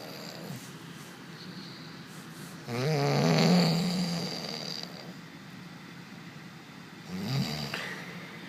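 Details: Sleeping person: two low, rattling snores on breathing in, with quiet breathing between, against steady room hiss; snoring.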